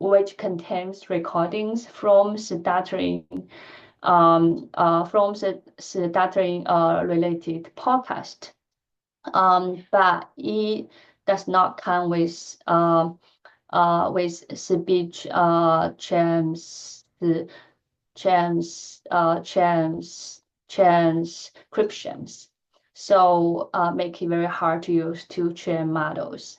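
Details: Adult woman who stutters, speaking during a lecture presentation; she says she stutters more in presentations than in private settings; finding: stuttering.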